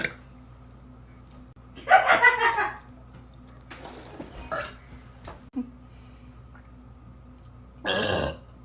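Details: Compilation of loud, hot, gassy burps: several drawn-out belches with quieter sounds between them; repeated burping.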